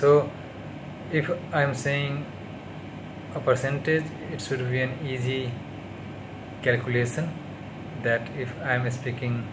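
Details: Stuttering in an adult man on day 38 of speech therapy.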